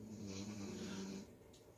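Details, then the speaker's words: Female dog sleeping in the background: one low, rumbling snore lasting just over a second, then quiet breathing; snoring. "You can hear my dog snoring in the background. And she's just gonna snore."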